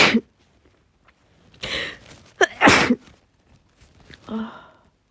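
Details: Female with a head cold, home in bed and sneezing every few hours, has a run of forceful, wet, messy sneezes with gasping intakes between and nose blows; sneezing fit.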